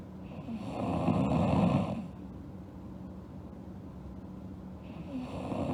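Low, rough inhaled snore followed by a quiet exhale and the start of the next snore; ordinary snoring.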